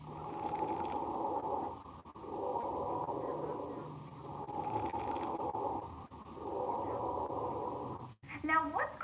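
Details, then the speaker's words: Teaching sample of fine crackles: breath sounds with brief, high-pitched popping late in each inspiration, like a fire crackling, from small airways, not cleared by coughing. "they're going to have this defining characteristic they're going to sound very similar to popping or light crackling of a fire and they cannot be cleared with coughing and again let's listen to that sample of fine crackles"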